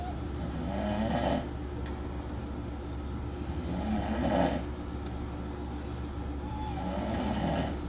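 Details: Snoring during a guys' week in Las Vegas: loud, rattling snores recur about every three seconds over a steady low hum.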